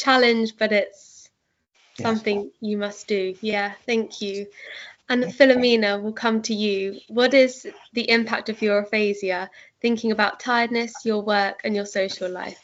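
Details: Adult woman speaking; typical speech.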